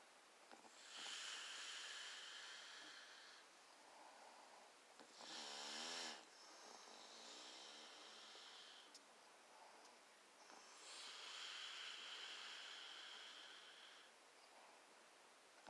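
Slow, rhythmic rasping breaths with a whistling hiss, about four breaths a minute, typical of snoring.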